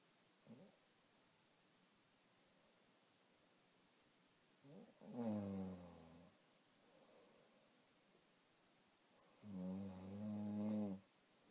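Two loud, low, rattling snores about four seconds apart, each on a slow breath in, against a quiet room.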